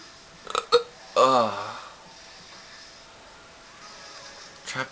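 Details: Person wearing a headset, annoyed by hiccups that will not go away and trying to stay quiet while family sleeps: two short, sharp throat catches, then a brief voiced gulp, then a quiet room; hiccups.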